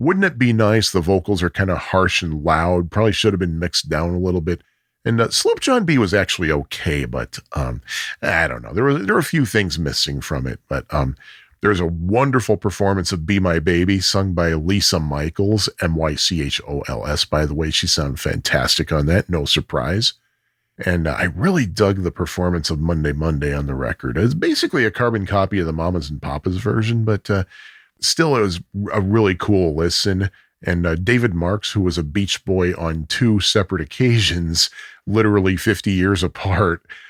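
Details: Adult man speaking; normal speech.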